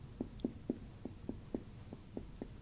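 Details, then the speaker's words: Abdominal percussion from low on the abdomen upward: tympanic, bowel-like notes changing to dullness over a solid organ while locating the liver edge. "So I'm going to start low here and you can hear that. That's to panic. It sounds very much like bowel. Now you can definitely hear a change here from here to here. You know, definitely we're over a solid organ in this case."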